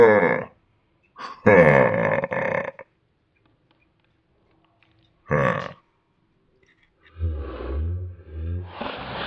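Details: Dog during a serious sneeze attack: several loud, low, rumbling throaty bursts separated by silence, consistent with repeated burps.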